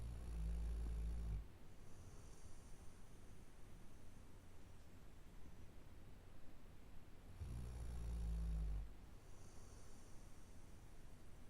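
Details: Sleeping Labrador dog snoring: deep, rumbling snores about every six to seven seconds, with quiet breathing between.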